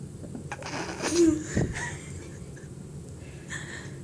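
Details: Person sneezing deliberately with eyes open, sharp single sneeze preceded by a short intake of breath in a quiet room; sneezing.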